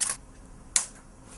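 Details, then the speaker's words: Two sharp, dry clicks less than a second apart as the transcranial magnetic stimulation coil discharges with each pulse, felt as a light tap on the head; a demonstration of the stimulation. "Lo que vas a notar, vas a oír un click, un sonido con un click, que es cuando la corriente pasa por esta bobina y vas a notar como si te diera un golpecito en la cabeza, pero el cerebro no siente nada."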